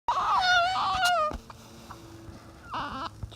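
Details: A high, wavering newborn cry that breaks off, then a brief second cry after a pause; the newborn has hiccups and is being offered nursing.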